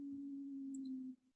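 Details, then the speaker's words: Wheeze heard with a stethoscope in pediatric acute bronchiolitis or bronchial asthma: a steady, low, musical, whistle-like sound lasting about a second, from narrowed airways. "এই যে বাঁশির মতো শব্দ,"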